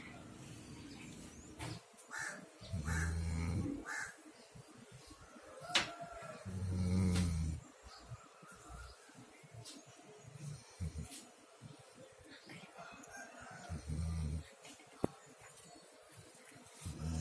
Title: is snoring, listen to it🤗